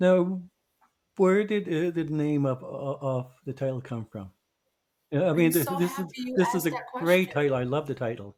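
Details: Adult co-host who identifies as a person who stutters, heard speaking on a podcast about communicating differently; stuttering.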